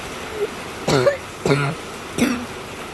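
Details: Three short voiced coughs from an adult over steady background rain noise.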